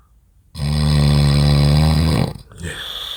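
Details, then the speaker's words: One very loud, deep, rattling snore lasting about 1.5 seconds on the in-breath, then a short pause, from an adult man in deep sleep in a hotel room near midnight who keeps startling at his own snoring. "네 지금 또 자기 자신의 소리에 또 놀랐군요 이상 형님의 코고는 소리였습니다"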